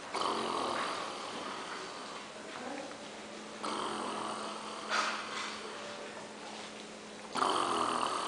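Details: Uncle snoring in his special styles during sleep: rough, rattling breathing noises over a steady background hum.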